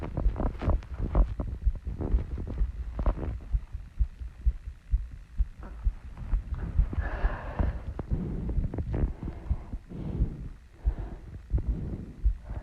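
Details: Female, own heartbeat after running and squats, heart slowing while still out of breath: rapid thudding heartbeat around 125 a minute with heavy breathing mixed in.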